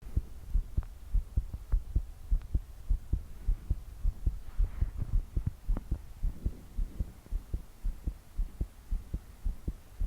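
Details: Strong, fast thumping heartbeat around 110 a minute with faint breathing and heavy rain behind, in a 22-year-old woman trying to sleep, body shaking with each beat despite deep breaths; pounding heartbeat.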